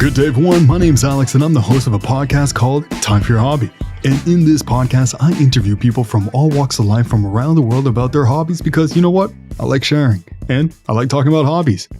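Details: Adult male speaker; normal fluent speech.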